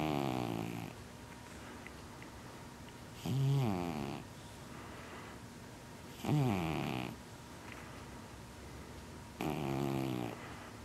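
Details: Rhythmic rattling breaths about every three seconds, roughly 19 a minute, over background hiss; steady snoring.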